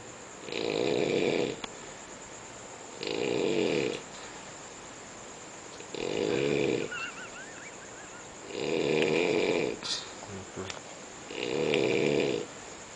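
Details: Loud, rough snores on each breath in, about five in 13 seconds, with quiet gaps between them; heavy snoring.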